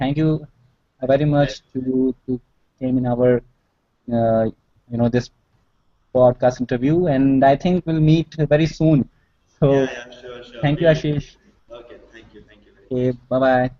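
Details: Male college student who stammers with blocks, especially on his own name, working on it through practice, self-help groups and brief speech therapy; stuttering.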